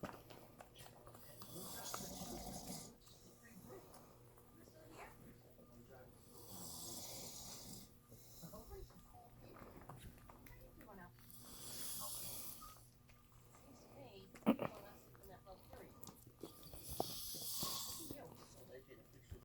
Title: snoring 2021